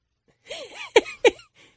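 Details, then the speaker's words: Older adult man with a cough lasting about a month: a brief throaty rumble, then two sharp, forceful cough bursts; after several tests a tumor was found in his chest. "But I just want to give you a sample of what sounded like, and which set us all off in a panic, everyone except for, because he's old and he's stubborn and he refuses to go to the doctor."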